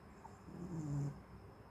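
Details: Pet named Bubbles, said to snore like a human; a single low, rumbling breath sound, a soft snore on one breath.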